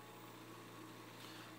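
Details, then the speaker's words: Stationary oxygen concentrator running normally, either the Invacare Perfecto or the Respironics Everflo Q: steady low mechanical hum with faint air noise. "we're going to go ahe and plug in the perfectto so you can hear this one before you make your decision on which concentrator you want to go with okay this is the Perfecto I think it's just a tad bit louder"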